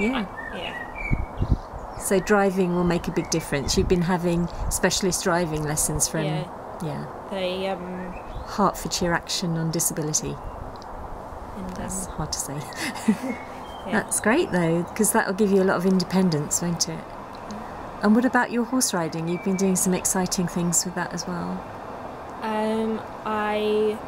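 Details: Adult interviewer, outdoors; typical speech.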